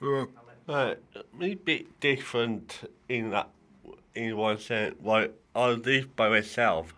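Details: Dysarthria in a male adult with cerebral palsy affecting the right side of his body; he says it affects how he speaks.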